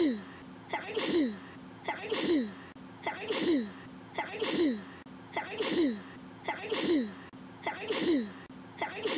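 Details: Child giving a run of about eight sharp, repeated sneezes, each with a quick intake then an explosive burst; sneeze.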